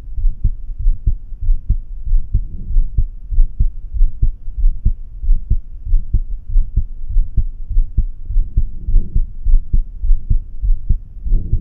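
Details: Heart sounds at the aortic area: regular low heartbeats at about 97 a minute with steady background hum; no abnormal sound named.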